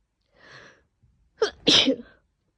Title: trying to stifle my morning sneezes (trying ok) [F] - stifled, let out, morning sneezes